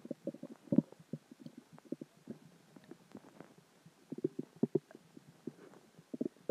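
Irregular gurgling, bubbling rumbles from the belly in a quiet room: ordinary stomach growling from digestion, water and gas.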